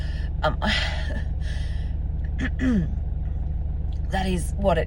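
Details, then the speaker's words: Adult woman with asthma, no lung infection, inflamed from an attack the day before, recorded close-up in her car: forced deep breaths with high squeaky whistling and short dry cough bursts over engine hum, asthmatic wheeze. "it sounds like for me today with um what I would call my my dry cough that's um that's a cough without deep infection or anything in in my chest"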